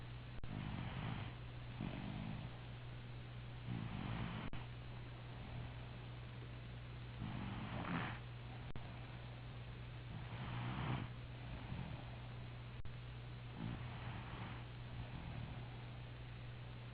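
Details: Mobile-phone recording of someone snoring during sleep: soft rumbling breaths about every three seconds, roughly 20 breaths a minute, over a steady low hum.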